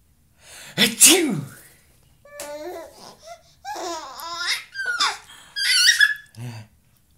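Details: Sneeze, sharp and single at the start, followed by a small child's babbling and high-pitched laughter at the sneezing.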